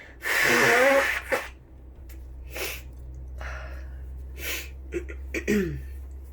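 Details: A forceful sneeze during flu, then quieter breaths and snorting sounds, possibly nose blowing, over a steady low hum.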